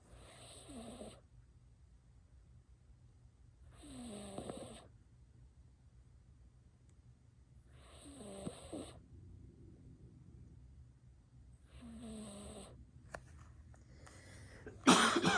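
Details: Snoring of a sleeping cat on a couch: soft rhythmic snores, about 16 breaths a minute, with quiet pauses between and a faint noise at the end.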